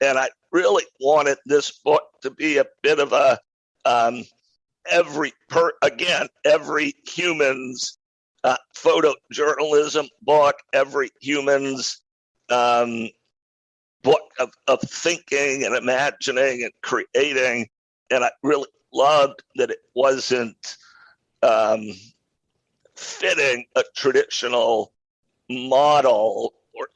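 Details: Adult man with a rare neurological voice disorder acquired in 2012 that made speaking difficult, still audible in his speech today; neurological voice disorder.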